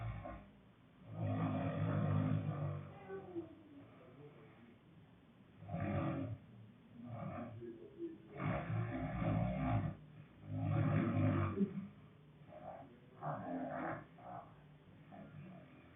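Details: Sleeper with loud, rough, growling snores in irregular bursts, quieter breathing between; heavy snoring.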